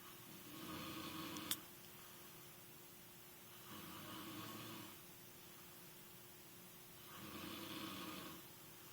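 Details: Epic snoring from an old male: slow, rough snores on each in-breath, about three in nine seconds, with a steady hum and a faint click in the background.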